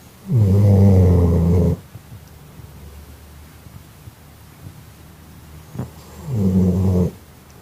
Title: Best Sleepy Dog Snoring LOUDLY